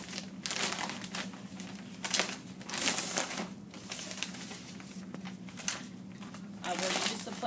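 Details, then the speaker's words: Demonstration of Foley catheter insertion technique, outer covering of the Foley catheter tray being opened: crinkling and tearing of plastic wrapping with a low hum in a small room; opening catheter tray plastic wrap. "i will proceed to open up the outer covering removing the"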